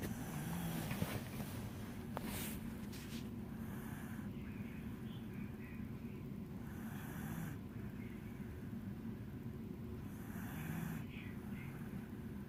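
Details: Dog snoring: soft rhythmic snores about every three to four seconds, partly masked by steady low rumbling background noise.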